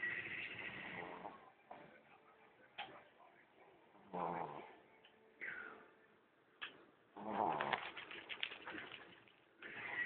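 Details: Snoring from a sleeping daughter.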